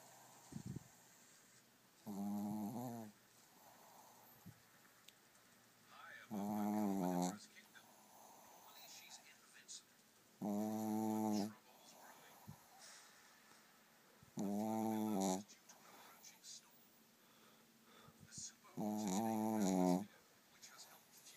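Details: Dog snoring while sleeping on his back: regular buzzing snores, about 14 per minute, each lasting about a second.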